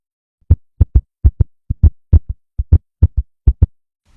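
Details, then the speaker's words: Fast, regular lub-dub heart sounds heard through a stethoscope at about 130 beats a minute, demonstrating tachycardia. "Así se escucha un corazón con taquicardia o latidos rápidos."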